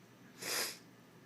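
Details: Singer who has been sick with a cold gives a single brief nasal sniff, a quick hiss of air drawn in through the nose, while recording a song.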